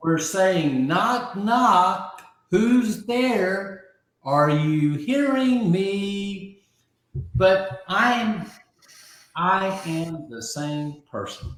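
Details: Adult man with aphasia after a stroke about 15 months earlier; early on others could not understand him at all, and he has since greatly rebuilt his vocabulary; aphasia.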